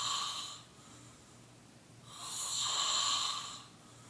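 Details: Two drawn-out, hissing, whistling snores with a quiet gap between, from a sleeping man recorded by his roommate at 4:25 after about 20 minutes of snoring; thin, airy snoring over low room hum.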